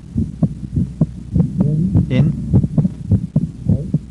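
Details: Regular heart sounds around 100 a minute with normal physiological splitting of S2: single on breathing out, splitting into A2–P2 on breathing in as inspiration delays pulmonic valve closure.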